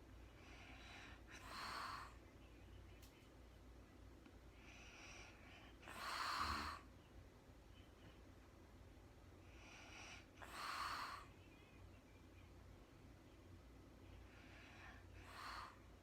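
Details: Real-time recording of a woman snoring during sleep, no talking: soft, regular noisy breaths with a rough edge every few seconds, about 13 a minute; quiet snoring.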